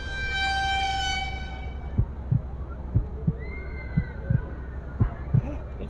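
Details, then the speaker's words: Prank staged as a heart check: paired low heartbeat thumps through a stethoscope on a young woman's chest, roughly 90 beats a minute, after a fading musical tone, faint room noise; called weak "small pump" heartbeat. "I think unhealthy sir like small pump heartbeat"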